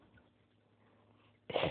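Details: Week-old newborn baby sneezing: a quiet pause, then a single sudden sneeze.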